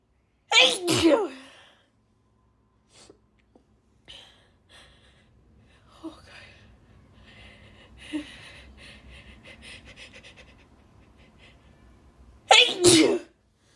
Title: loud harsh dust sneezes (f)